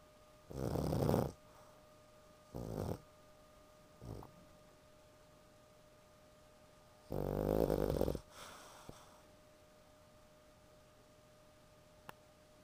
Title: Pug Sleeping and snoring